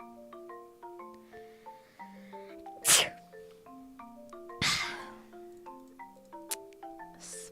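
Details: Two sharp sneezes, with soft xylophone-like music in the background.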